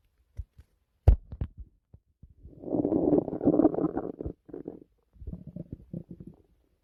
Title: small compilation of my stomach making weird noises.